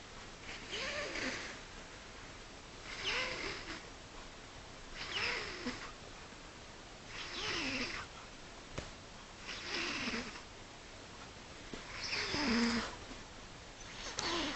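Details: Cat snoring: soft rhythmic breathy snores about every two seconds with a faint whistling tone on each breath.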